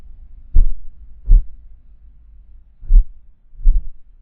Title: Heartbeat sound Bruit battement de coeur Suono battito cardiaco 1